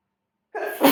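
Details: Sneezing while smoking: half a second of silence, then a quick intake and a sharp burst of air, a single sneeze.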